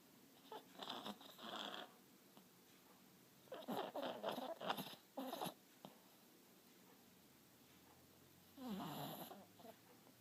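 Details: Sleeping female dog, described as very loud and sometimes scaring herself, gives rough, rattling snores in bursts on each breath with quiet gaps between; snoring.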